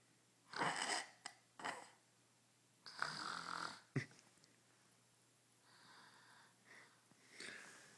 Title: Grown man drunk off one beer snoring